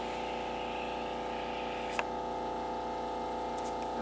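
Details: Crystal microdermabrasion facial treatment on a woman's face, with the machine turned down for this area: steady electric buzz and hum with one brief click from the running machine.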